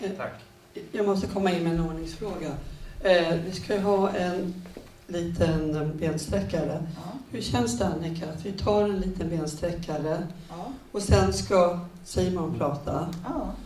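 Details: Adult speaker addressing a group; typical speech.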